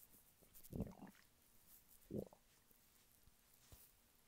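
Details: Male lying flat on his bed, hungry stomach: two brief low gurgling rumbles over a quiet background; borborygmi (hunger rumbling).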